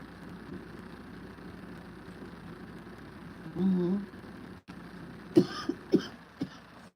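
A brief voiced throat clear, then three short, sharp coughs over a steady background hum.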